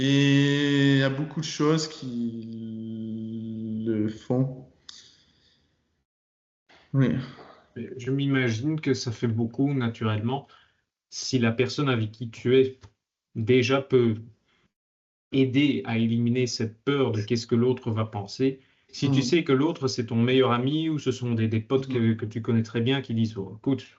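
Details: Stuttering in a 22-year-old man speaking French; he began actively working on his stutter in his final year of high school, which he says changed it a lot.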